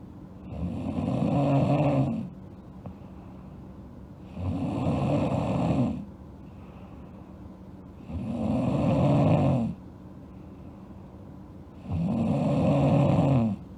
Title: Sleeping Girl Snoring (ALSG) Part 2